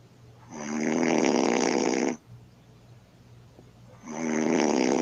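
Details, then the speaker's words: Woman snoring, recorded by her boyfriend: loud, harsh, vibrating snores on inhalation, each lasting over a second, with quiet pauses between; heavy snoring. "he says my girlfriend's snoring like a beast let's see"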